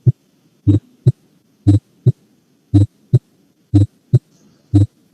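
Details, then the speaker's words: Split first heart sound in a semiology class recording: clear heartbeat at about 60 a minute, the first sound of each beat broad and doubled. "el mismo primer ruido desdoblado si es el mismo primer ruido"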